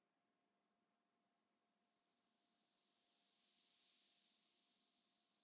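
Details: Mimi Hearing Test app on iPhone, left ear test: a series of short, very high-pitched pure-tone beeps, about 136 a minute, swelling in loudness then fading; pure-tone hearing test tones.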